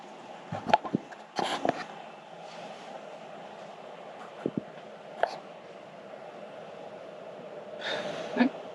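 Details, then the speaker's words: Dog sleeping in a van, snoring lightly: soft snuffling breaths and brief snorts over low room noise. "Je sais pas si vous entendez, mais ça ronfle derrière vous."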